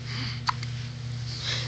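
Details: A newborn baby's first hiccups after birth: a single short, sharp infant hiccup over a steady low room hum.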